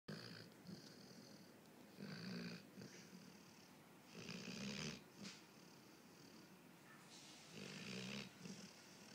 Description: My dog snoring